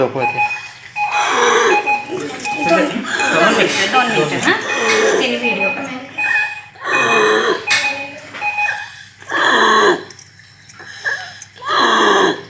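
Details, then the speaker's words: Harsh, high-pitched noisy breathing between crying bursts in a child, an example of stridor from upper airway narrowing, heard while crying. "बघा तुम्ही बघितलं तर रडताना कसा आवाज येतो"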